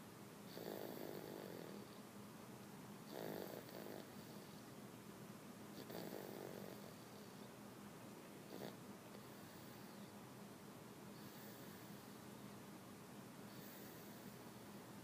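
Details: Soft snores about every three seconds, roughly 20 breaths a minute, over a steady background hum: snoring.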